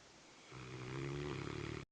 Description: Rottweiler snoring loud!